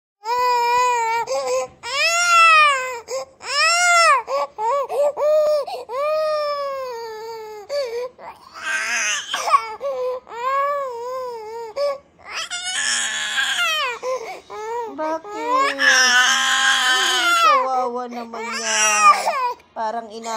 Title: Crying baby